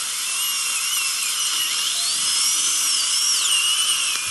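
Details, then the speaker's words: Wisdom tooth extraction, infected upper left and lower left third molars: continuous shrill dental drill whine with shifting pitch and water spray hiss, vibration, trimming/sectioning the tooth. "now you're gonna feel a little bit of vibration and a lot of water springing just like I said you're gonna trim the tooth a bit"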